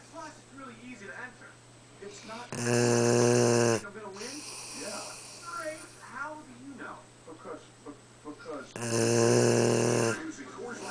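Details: A tired sleeping pup snoring: two loud, rough, buzzing breaths about six seconds apart over quiet room noise and faint chatter.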